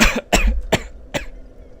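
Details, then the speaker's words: Four short harsh coughs in quick succession from a person who says they are sick, then quiet room noise. "A crap. hate being sick."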